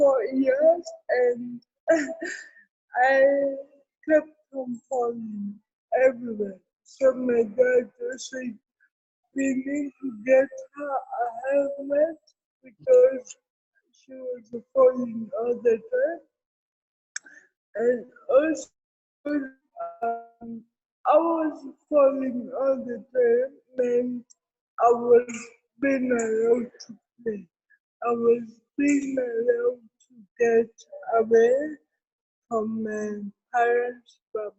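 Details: Adult woman with cerebral palsy, with dysarthria.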